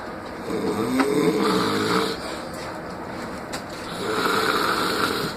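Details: Loud rattling snores on breathing in, two long snoring breaths within about five seconds, with quieter breathing between, from a sleeping person in a small room; snoring.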